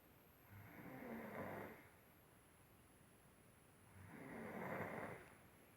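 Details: Sleeping child snoring: two rough, rattling inspiratory sounds about three seconds apart with quiet pauses, over a faint steady high-pitched background tone.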